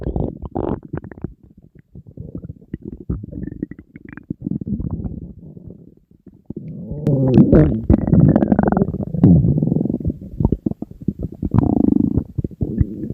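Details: Borborygmi from hunger in a person dieting and surrounded by food, stomach rumbling constantly that day: low gurgling rumbles and bubbling, louder in the second half.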